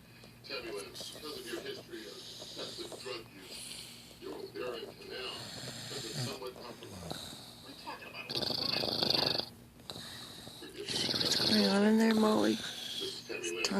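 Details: Snoring from a sleeping dog with the tongue sticking out between the teeth: loud rattling snores mixed with people talking and laughing nearby.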